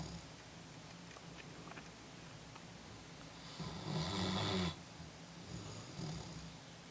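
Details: Low rumbling snore with one louder, rougher snoring breath against quiet room noise; ordinary snoring.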